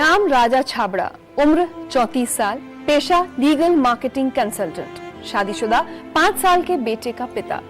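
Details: Adult woman speaking Hindi; Normal fluent speech.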